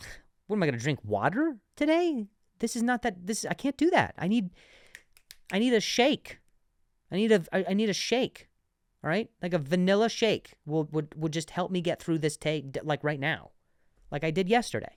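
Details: Adult male comedian who stuttered and still sometimes stutters, less than before, and has worked with a speech therapist, speaking on his own podcast; stuttering.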